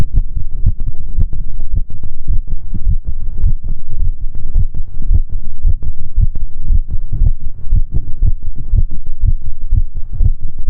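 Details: Normal heartbeat in a relaxation recording: a steady, regular, low thumping beat, deep and muffled, with an even rhythm throughout.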